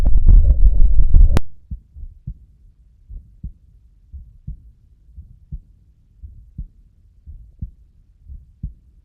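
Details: Steady heartbeat near 58 beats a minute with a faint, quiet diastolic murmur, described as always a pathological sign of heart disease.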